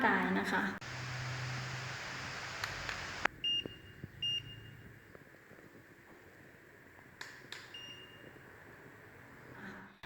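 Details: HD820 infrared forehead thermometer being switched between surface and body modes: brief high electronic beeps in a quiet room; thermometer beep.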